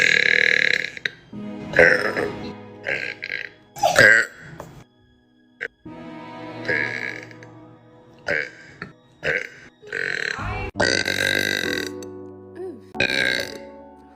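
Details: Woman burping: repeated loud, drawn-out voiced burps with music playing in the background; burping.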